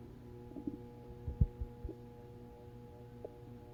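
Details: Stomach growling (borborygmi): brief low gurgling rumbles with a few squeaky pitched bubbles over a steady electrical hum.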